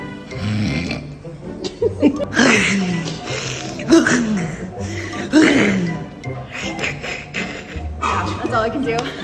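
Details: Veterinary clinic staff member imitating a dog's reverse sneeze: repeated snorting, honking inward pulls with music behind; simulated reverse sneeze, not a real animal.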